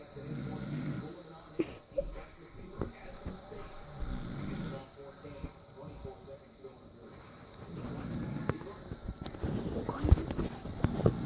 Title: Dad is snoring